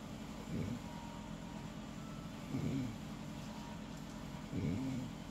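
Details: Snoring during sleep, not as loud this time: soft rattling snores about every two seconds against steady background noise.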